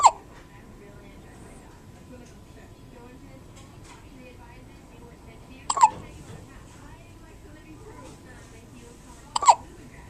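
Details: Hiccups: three sharp, abrupt hiccup sounds several seconds apart over quiet room noise, each a sudden diaphragm spasm cut off by the closing throat.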